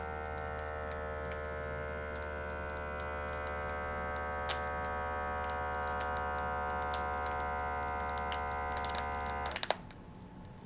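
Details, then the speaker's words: Steady motor whine as an automatic blood pressure cuff inflates, then clicks as pressure releases, as an adult man measures his own blood pressure at home during dinner, complaining of burning left chest pain. "So I'm going to take my blood pressure."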